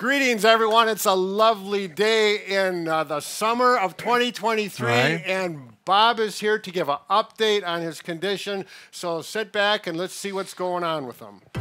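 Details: Speaker narrating, with a brief interjection; ordinary speech.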